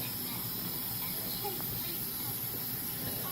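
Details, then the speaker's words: Steady, even hiss of humidified air flowing through a tube, with a low room rumble beneath, given in hospital to a young child with croup, a narrow airway and a laryngeal cleft after she came off oxygen. "what's in that tube they just have humidified air in the tube"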